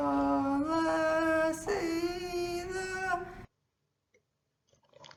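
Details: Boy with mutational falsetto before therapy, high-pitched child-like voice not matching his age, with occasional breaks into a deeper male voice mixing chest and head register; mutational falsetto (puberphonia).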